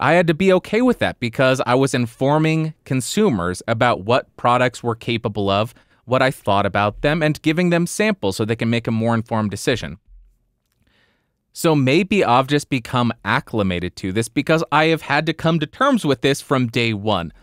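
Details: Adult male; typical speech.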